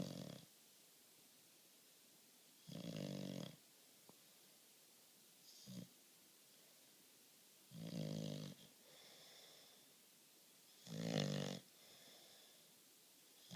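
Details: Slow, rough, low snores with each in-breath, about one every few seconds in a quiet room; ordinary snoring.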